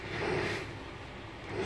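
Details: Steady rushing airflow noise from a BMC BiPAP machine's blower just after pressing start; BiPAP machine blower running.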